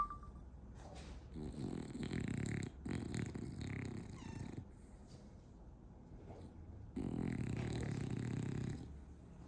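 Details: Dog snoring while a cat massages it: low rumbling snores during sleep, two long breaths with a quieter stretch between, and faint background noise; ordinary dog snoring.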